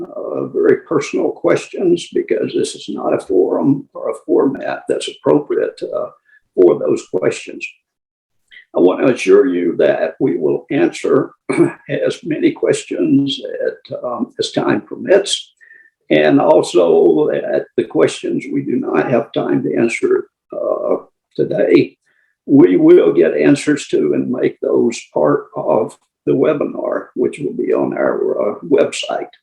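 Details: Adult with adductor spasmodic dysphonia (laryngeal dystonia), treated with Botox injections and near his next injection with increased voice strain; has tried vibro-tactile stimulation (VTS) laryngeal vibration therapy; adductor spasmodic dysphonia.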